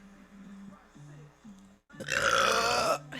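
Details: Deep burp: quiet room noise, then a loud, deep, drawn-out belch lasting about a second.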